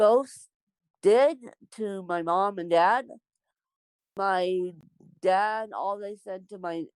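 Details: Adult woman born with cerebral palsy; dysarthric speech (cerebral palsy).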